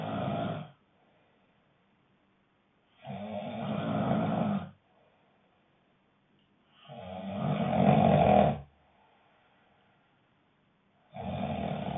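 Loud, rough snoring noises on each breath in, about every four seconds (roughly 15 a minute), with quiet pauses between.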